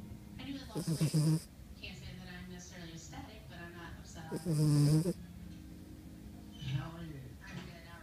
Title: Our dog snores 2